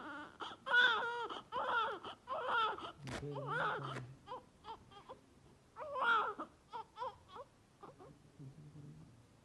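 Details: A baby crying during a doctor's stethoscope chest check: repeated wailing bursts with whimpers between them, in a small room.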